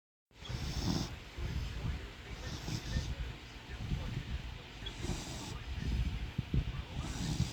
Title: 1 minute of snoring 😴